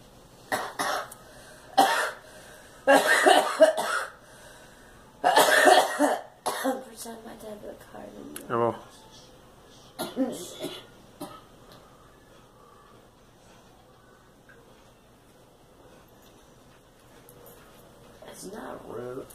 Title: Girl coughing